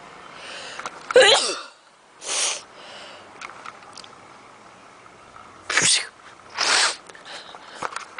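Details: Repeated sneezing: several sharp, explosive bursts of air, each with a quick intake before it, in a quiet room.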